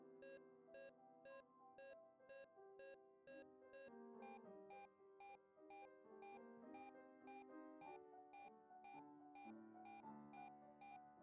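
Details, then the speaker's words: Simulated patient monitor (LLEAP simulation system) pulse tone: the SpO2-linked beep tone gives way to a fixed ECG pitch as arterial blood pressure crashes, showing that perfusion affects the SpO2 signal. "note spo2 tone gives way to ecg pitch has the arterial bp crush"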